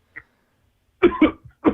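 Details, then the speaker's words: Caller coughing on the phone right after dabbing: a brief faint sound, then two quick harsh cough bursts and a third, in a quiet room; a short coughing fit. "I'm gonna leave you while you're coughing here because this is good."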